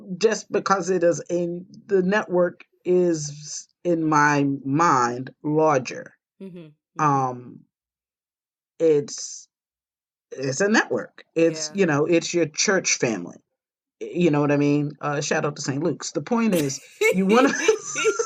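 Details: Stroke survivor with post-stroke aphasia; aphasia.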